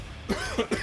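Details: Short, rough throat-clearing cough, two or three quick bursts, from an adult who has lost his voice and is hoarse.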